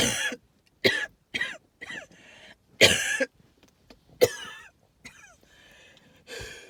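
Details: Wheezing with cough: harsh hacking coughs with high, whistling sounds trailing between them, fitting wheezing with an irritated cough.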